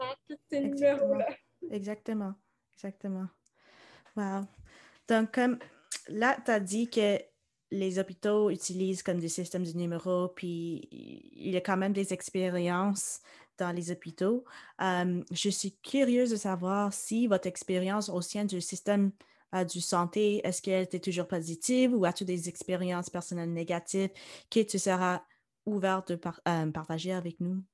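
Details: Adult woman speaking; typical speech.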